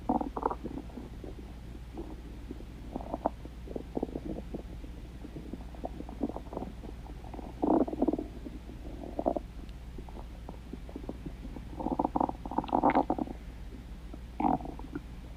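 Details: Dog's stomach growling: bursts of gurgling, bubbling rumbles over a steady low hum from gut movement; borborygmi.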